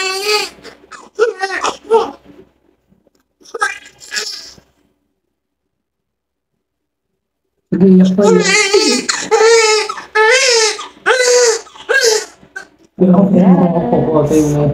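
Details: Newborn baby girl's short, strong cries in bursts after a pause, just after normal cephalic vaginal delivery (mother G2P1); room voices and background music; a vigorous newborn cry.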